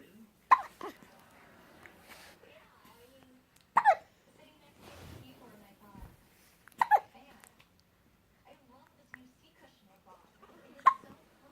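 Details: 11-day-old newborn hiccuping: four sharp, brief hiccup sounds spaced a few seconds apart in a quiet room; ordinary infant hiccups.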